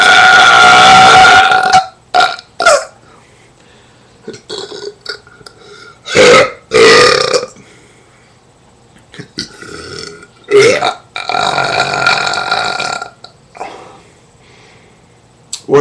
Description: Burping loud at the dog